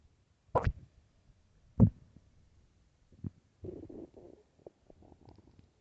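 Loud low gurgles and bubbling rumbles in bursts, with short quiet gaps; stomach growling on an empty stomach.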